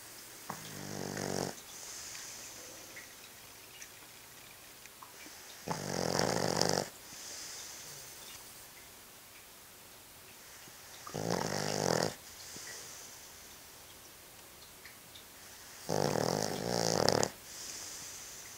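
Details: Judge, a sleeping dog, snoring: four loud rattling snores about every five seconds with quieter breaths between; ordinary snoring.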